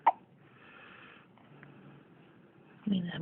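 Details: Single sharp, brief hiccup from a boy, then quiet room noise and a voice; hiccups.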